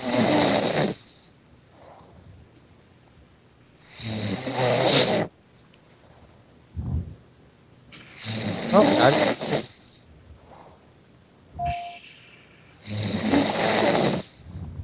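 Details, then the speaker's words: A person who fell asleep during a Skype call snoring: four loud, harsh snores about every four seconds, roughly 13 a minute, with quiet pauses between; ordinary heavy snoring over the call. "that's such loud snoring what's that coming out of his no that much no is the game it's your when you fall throat when you breathe the air makes it vibrate snore"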